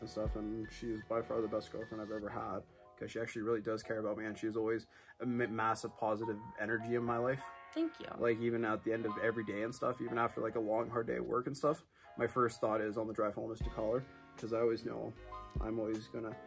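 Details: Adult man speaking; normal speech.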